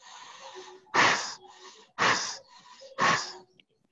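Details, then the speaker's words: Three loud, harsh, rushing breaths about a second apart with softer airy sounds between, air moving through a tracheostomy opening in a person who breathes through the hole, not from above, and attributes it to secondhand smoke exposure. "Ini buat jalan napas. Jadi napas saya sudah tidak dari atas. Jadi saya napas lewat lubang."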